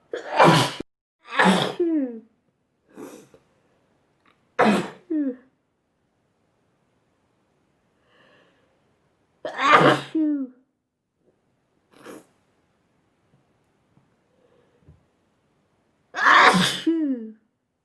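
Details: About eight separate sneezes over eighteen seconds, each a sudden loud burst after a quick intake, with quiet gaps between, from a sneezing compilation.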